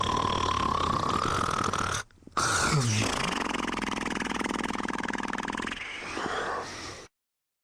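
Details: Two people sleeping: loud, continuous, harsh rattling snore with a brief break midway, heavy snoring.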